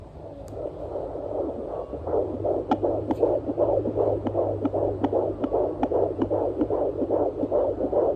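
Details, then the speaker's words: Fetal heartbeat at 22 weeks heard on a home fetal Doppler, probe on the left side of the belly: fast, regular whooshing beats at about 154 per minute, like a galloping horse, mixed with the mother's heartbeat, with some static. "she keeps moving it kind of sounds like a horse galloping a mixture of my heartbeat"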